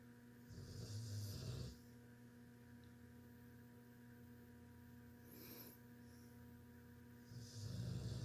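Slow, low rumbling snores, two clear ones about six seconds apart with a softer snort between, over a steady hum; snoring during sleep.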